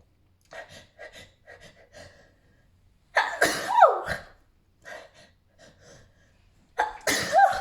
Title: Alice in Wonderland sneezes